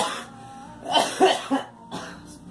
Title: Girl coughing